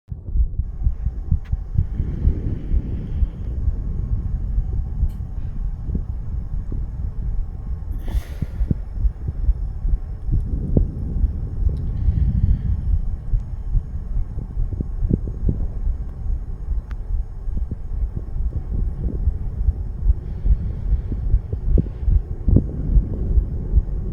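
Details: 34-year-old male under the influence of nicotine and "green stuff," recorded to test its effect on heart rate: a rapid, muffled, low thumping heartbeat under heavy rumbling noise, a fast heartbeat.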